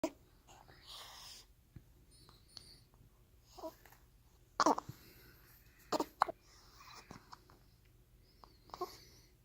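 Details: Quiet room with soft voice sounds and a few sudden, sharp, brief catches spaced seconds apart; hiccups.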